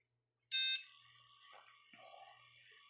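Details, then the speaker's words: Single high electronic beep then quiet motor hum and faint clicks: Nestlé enteral feeding pump starting after priming until no bubbles remain. "So pag nakita mong wala ng bubbles guys, pwede mo na siyang i-stop stop priming. Tapos pwede ka ng mag-start."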